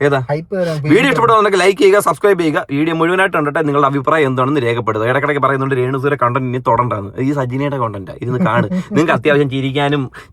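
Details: Adult speaker; Ordinary speech.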